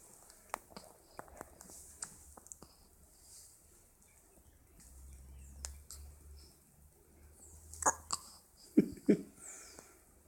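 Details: Newborn with soft, brief, sharp catches recurring irregularly in a quiet room, a few louder ones near the end; hiccups.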